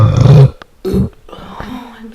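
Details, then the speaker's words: Adult British woman burping while her belly is pressed: two loud, deep, rumbling burps in a small room, then a quieter low grumble. "I'm so sorry oh I've never burped so much or so loud I hope you don't think badly of me"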